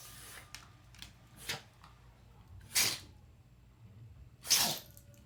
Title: Boston Terrier Sneezing